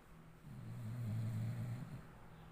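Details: Snoring during sleep: a single low, rumbling snore that rises and fades over about two seconds.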